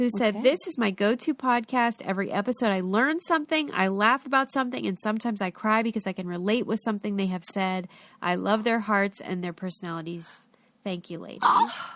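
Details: Adult woman; normal fluent speech.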